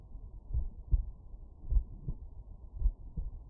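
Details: Heart sounds heard by stethoscope auscultation at the mitral area with the subject lying on the right side: soft, muffled low paired thumps at roughly 55–60 beats a minute.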